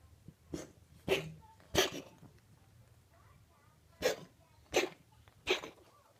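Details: Dry, forceful cough in two runs of three sharp coughs with a quiet gap, from a cat with chronic bronchitis that vets attribute to allergy; the coughing has recurred every spring for many years.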